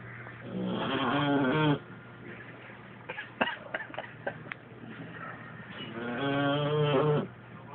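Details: Snoring: two long, loud, buzzing, tone-like snores on inhalation about five seconds apart, with faint clicks and rustling between them.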